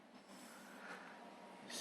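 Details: Eight-week-old English bulldog puppy snoring while deeply asleep: a noisy, rough snorting breath over a steady hiss.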